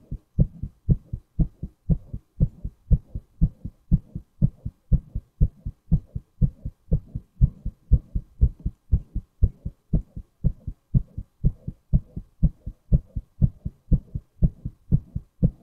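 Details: Male heartbeat from a recorder app: clear, regular paired lub-dub heart sounds at about 120 beats a minute, a fast rate, in a quiet background.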